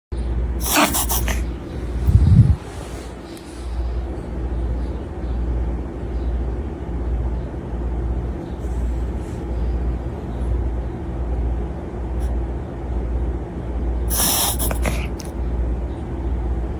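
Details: Reverse sneezing in a small dog since smoky air from the Canada wildfires about 5 days earlier: rapid, repeated wet snorting inhalations; worse some mornings; dog otherwise normal, vitals good, emergency vet found no cause.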